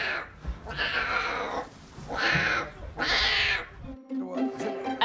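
Three loud, drawn-out, meow-like wails from a hungry newborn lion cub, a distress cry for its mother, with soft music underneath.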